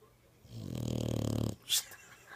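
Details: Snoring in a very tired dog sleeping with its eyes open: one long, rattling, buzzing snore breath, followed by a brief hissing sound.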